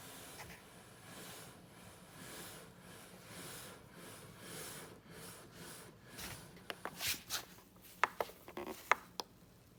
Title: ResMed AirCurve 10S Bipap #ventilators #venti #medical #viral #youtube